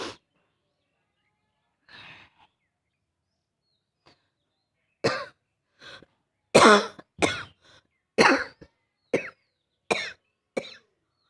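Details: Adult with a cold and real cough, sore burning throat, during a rooftop coughing challenge: series of about eight sharp, dry coughs after a soft breath, growing more forceful; breath-catching coughing fit.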